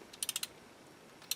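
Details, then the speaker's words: Four quick sharp clicks, then a pause and one more: a torque ratchet turning to fully insert a narrow-diameter implant into a styrofoam model of the lower jaw, simulated. "of the torque ratchet it allows me to insert the implant fully until properly inserted"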